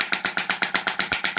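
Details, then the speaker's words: Shockwave therapy to the elbow for tennis elbow, with distal tendon thickening, pressure about 100–110 and frequency to be raised to about 14–15: rapid, regular sharp mechanical pulses, about 11 a second. "with the shockwave you can go reasonably high on the pressure so I would say hundred hundred and ten"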